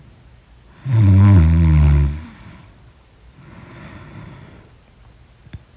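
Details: Loud snoring in deep sleep: one deep, rattling snore on the in-breath, followed by a quieter breathy out-breath.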